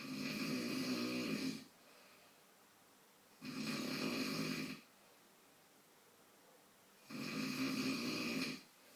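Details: An adult man (dad) snoring. Three loud, rough, rattling snores on in-breaths, separated by quiet pauses, at about 18 breaths a minute.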